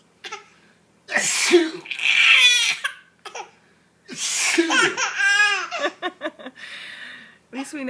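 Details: Adult father sneezes twice, loudly and explosively, and a baby who reportedly has bad hiccups laughs heartily after each sneeze: sneezing.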